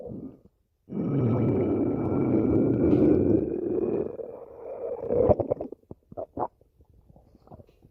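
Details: Ordinary stomach growling (borborygmi): a long, low rumbling gurgle lasting several seconds, then a few short bubbling pops from gas and fluid moving through the gut.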